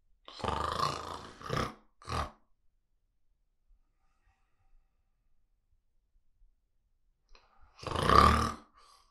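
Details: Adult man snoring loudly in his sleep, recorded with a Zoom recorder: loud, rough snores with a long pause between breaths.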